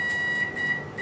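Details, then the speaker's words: Steady high-pitched electronic tone with brief beeps from a hyfrecator electrosurgical wand vaporising a nevus on the lower leg of a 29-year-old woman; the lesion was checked with a skin microscope first. "So this is the hyfrocator wand, and as you can see, just going to touch it against the skin now, and you can see it's vaporising the tissue as I touch it."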